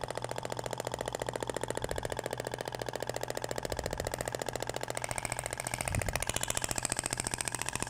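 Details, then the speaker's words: Shockwave therapy handpiece firing over the abdomen, avoiding the umbilical scar, comparing polyacetal (plastic) and stainless steel tips whose sound differs: rapid, even clicking pulses about 15 per second; normal device sound. "agora vai para o outro sentido até o barulho é diferente da ponteira de palhacetal para inox"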